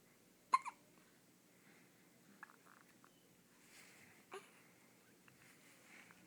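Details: Ten-day-old infant with hiccups: quiet room with a few sharp, brief hiccup sounds spaced seconds apart, plus soft breathing and small vocal noises.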